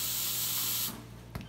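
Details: Nervous young woman with an infected ingrown toenail, hard to numb, before a numbing injection: a short hissing vapocoolant spray burst, then quiet with a faint click.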